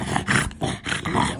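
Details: Loud, rough snorting breaths in repeated bursts from Odin, a flat-faced dog before BOAS laser surgery; stertor from brachycephalic obstructive airway syndrome.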